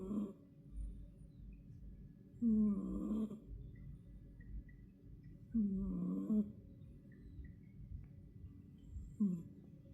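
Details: Three loud snoring breaths over about ten seconds, roughly 19 a minute, with quieter breathing between, from a sleeping cat during an afternoon nap.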